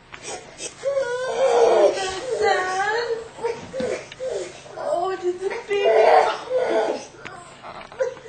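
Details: Young girl, not yet talking, crying while watching the film Son of the Mask: sustained wailing in sobbing bursts with quick breaths between, over faint background movie sound.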